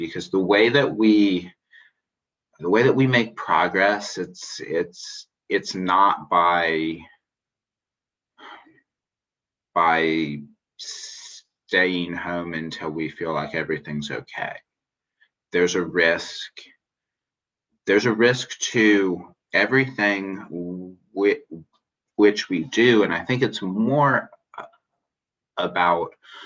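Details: Spontaneous interview speech of an adult man who identifies as a person who stutters, with long pauses and broken-up phrasing; finding: stuttering.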